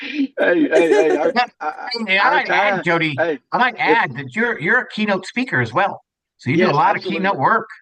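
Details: Adult man speaking; typical speech.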